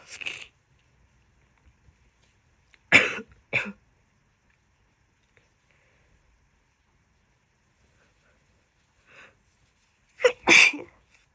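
A quiet room with a short burst, then two sharp sneezes and, later, a rapid double sneeze: repeated sneezing with a cold.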